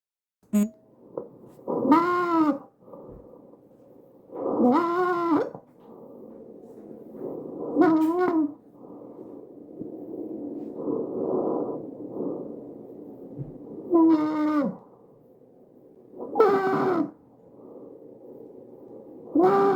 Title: Visualized_Tracheal_Stridor